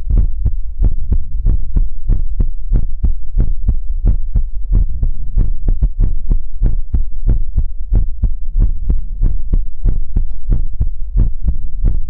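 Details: ASMR livestream heartbeat sound for relaxation: steady, deep, muffled thumps at about 95 beats a minute with a low hum underneath; heartbeat.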